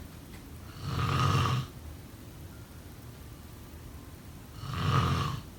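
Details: Sleep snoring sound effect: two loud, rough snores on breathing in, separated by quiet breathing pauses; snoring.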